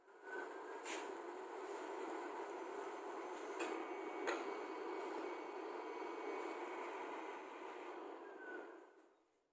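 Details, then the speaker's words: Mechanical ventilator running its breathing circuit check calibration after the device check: a steady airflow hiss with a few sharp clicks. "Selanjutnya, kita akan melakukan kalibrasi pada breathing circuit check. Kita akan menekan start."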